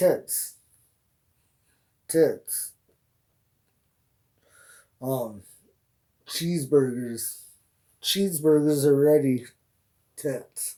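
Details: Vocal tics from Tourette syndrome in an adult man, with repeated words and phrases. His tics began about six or seven years earlier, and his vocal tics progressed from 'hey' to full sentences and swearing. He is treated with olanzapine, clonidine and pimozide.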